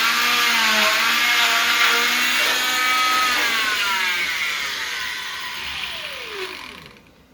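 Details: Steady high-pitched whine with gritty grinding, pitch shifting as the blade loads; oscillating cast saw cutting along the line created by a zip stick placed in the cast during cast removal demonstration.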